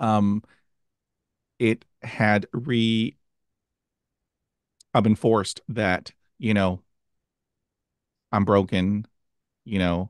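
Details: Adult who stutters, hosting a podcast; stuttering.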